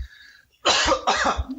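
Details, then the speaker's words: An adult drinking gin over ice gives two quick, forceful coughs back to back after a brief quiet moment, possibly from drinking too fast. "Pardon me, could you hear that? I had a cough. I heard your ice and then I heard you cough."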